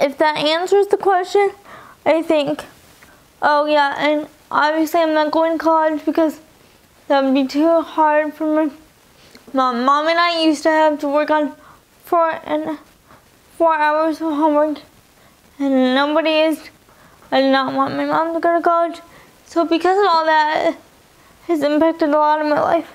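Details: Woman with spastic quadriplegic cerebral palsy from birth (in utero), affecting all four limbs; she uses a wheelchair and cannot walk, read or write. CP affects her talking and eating, and she has spastic dysarthria.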